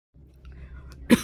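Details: Single short, muffled cough from someone choking on candy while trying to stay quiet in an office cubicle, over a low room hum.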